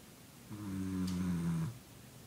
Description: During the recent power outage we were all camped out in the living room and Molly the Corgi was snoring blissfully at 3 am